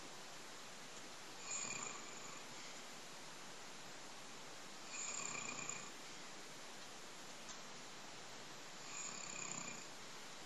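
Three regular rasping, whistly breaths about every 3.7 seconds, roughly 16 a minute, over steady background hiss; snoring.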